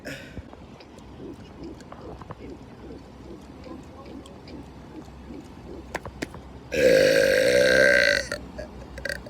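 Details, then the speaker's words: Man on a boat belching deliberately: a loud, sustained, drawn-out belch of about one and a half seconds over steady engine and water noise; burping. "I'm back on a boat and I'm going to be doing another boat burps."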